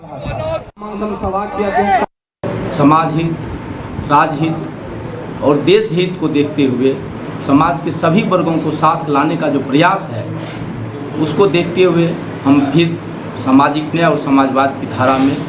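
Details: Adult man speaking Hindi; Normal speech.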